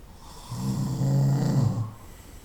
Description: 25 minutos de ronquidos durante la noche. 25 minutes of snoring at night.